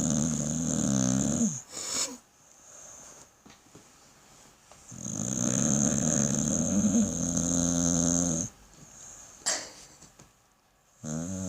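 Long, loud, rumbling snores with a whistling edge, separated by quiet pauses. Snoring, likely from a dog.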